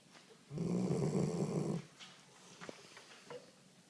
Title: Zoey girl snoring